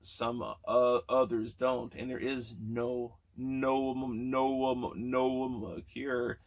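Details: Stuttering in a man almost 40 who has stuttered since childhood, with sound and word repetitions in this stretch.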